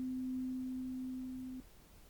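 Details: Simulated hearing test (doctor roleplay): steady pure hum of a struck tuning fork, about one and a half seconds then stopping, repeated test on one ear, the other, then top of head.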